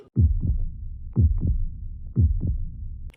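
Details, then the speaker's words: Fetal heartbeat on Doppler ultrasound during a pregnancy scan in an animated Tamil comedy short: rhythmic, steady, regular whooshing pulses. "குழந்தையோட heart beat கேட்டிங்களா? ஹாப்பியா?"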